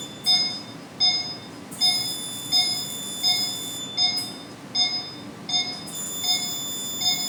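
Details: Steady high-pitched beeps about 80 a minute with music behind: CO2 laser pulse tones during second laser session on a large neck scar two months after removal.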